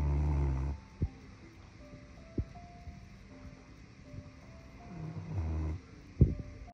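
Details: Snoring from Bloo, a Bluetick Coonhound, sleeping lazily.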